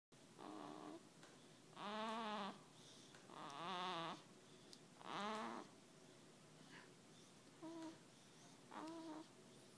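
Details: 5-week-old baby sleeping: soft grunts, squeaky vocal noises and little whimpers over quiet room hiss; normal infant sleep noises.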